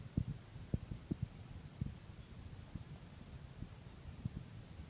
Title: Morning heartbeat at 6